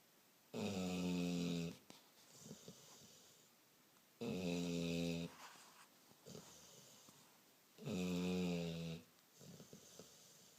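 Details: Three regular rattling snores, each followed by a softer out-breath, about 16 breaths a minute, in a small room; ordinary snoring during sleep.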